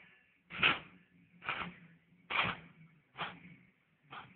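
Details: A cat sneezing repeatedly: five short, sharp, hissing bursts in quick succession, about one a second, each fading quickly.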